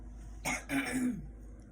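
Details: An adult gives a short, rasping throat clear in two quick pushes, an ordinary everyday sound, while getting ready for the gym.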